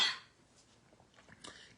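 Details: Sudden cough from a tickle in the throat while reading out a team draw: one short, dry cough, then a faint huff of breath and quiet room sound.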